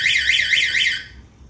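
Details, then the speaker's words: Alarmed metal wall cabinet for a HeartSine 350P defibrillator: pressure plate, powered by a 9-volt battery, triggers a loud high-pitched warbling siren when the AED is removed, fading after about a second. "there's a pressure plate inside this cabinet as well which sets off an alarm and lets everybody know the defibrillator is being accessed check it out"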